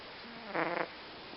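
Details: The cat Fransson snoring; one short, soft, buzzing snore during breathing in, over steady room noise. Poor-quality recording, loud snoring cat.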